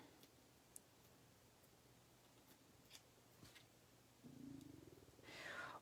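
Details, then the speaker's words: Scissor snips in a quiet room, then a low, rising gurgling rumble from an adult woman's stomach, who says she has been up since toast at 7am and is hungry; stomach growling (borborygmi). "whoa did you guys hear that i'm sorry my stomach just growled big time i did have breakfast but i've been up for quite a long time now"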